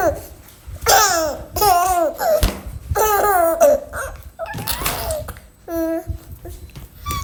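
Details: Infant belly laughing in bursts, breaking into a few short coughs brought on by hard laughter; cough.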